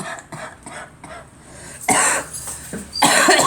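A child's short throaty coughs, then two louder harsh cough bursts, with faint room noise.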